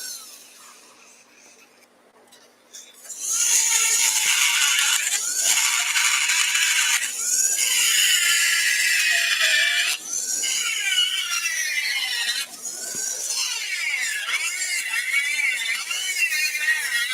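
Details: Steady high-pitched whine with shifting pitch and dips as the bit engages bone during a live cadaver dissection demonstration; surgical bone drill.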